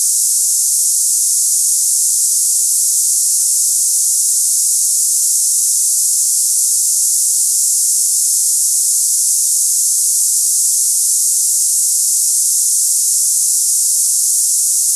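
Steady, unchanging high-pitched hiss like cicadas, a simulated sample of hissing tinnitus for comparison.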